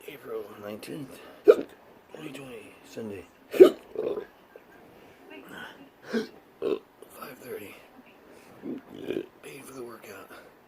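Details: Intractable hiccups present since 2015 after surgery, during a rooftop physical therapy workout: sharp, abrupt hiccups every couple of seconds amid strained breathing and grunts.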